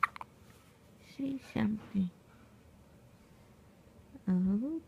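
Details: An awake infant gives three short, abrupt voiced hiccups about half a second apart, then a longer rising vocalization, in a quiet room: infant hiccups.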